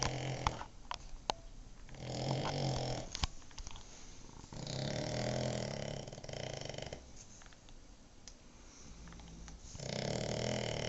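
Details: A Cavalier King Charles Spaniel snoring while napping in a quiet room: rough, rattling snores every few seconds with snorty breath noise.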